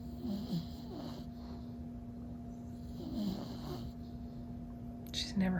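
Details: Staffordshire Bull Terrier napping with eyes still open while a Golden Retriever sniffs her: soft, rhythmic snoring with two or three low snorts over a few seconds and a steady room hum; snoring.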